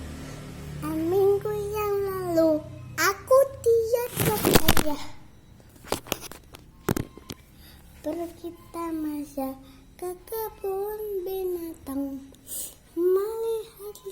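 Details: Child singing a song about seeing zoo animals, interrupted by a burst of harsh coughs partway through, then continuing to sing; cough.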